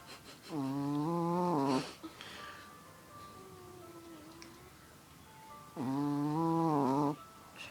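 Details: Female sleeper snoring: two long, tonal, buzzing snores on inspiration about five seconds apart, with quiet music in the background.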